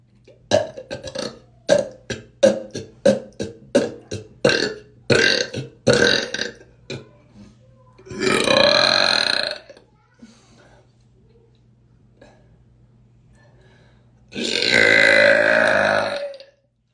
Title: do you wanna smell my burps😽💨 #belching #burp #queen